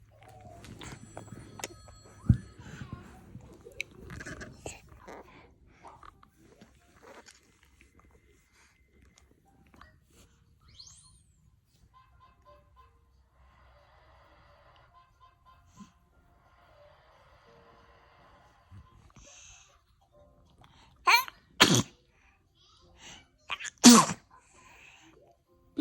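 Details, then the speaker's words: Two sharp, explosive sneezes from a young child near the end, after a stretch of quiet room noise; a family member then says bless you. "He sneezed, Anaria."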